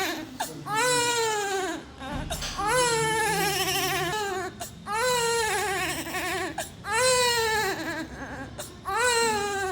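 Repeated high, thin, wavering cries in short bursts of a few seconds with brief pauses, from a premature low-birth-weight baby.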